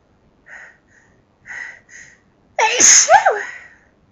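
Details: Forceful sneeze fit, louder than usual sneezes: quick catching breaths build up, then one loud, forceful sneeze, within a long run of repeated sneezes.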